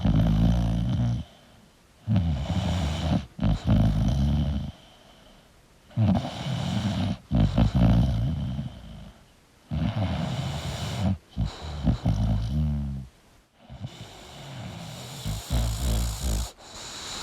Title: 🐶 English Bulldog Sleeping & Snoring Sound Relaxing for Bulldog Lovers [1Hour]